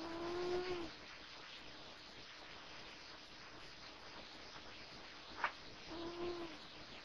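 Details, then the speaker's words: A female cat sleeping on a couch snores lightly. Soft, high whistling snores are heard at the start and end, with quiet breathing between. "You wake up. You're snoring. Sorry, honey."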